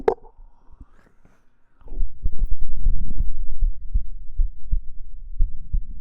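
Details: Recorder's own heartbeat, recorded as heartbeat ASMR: after a quiet opening, soft, low, paired thumps over a rumbling background: normal heartbeat.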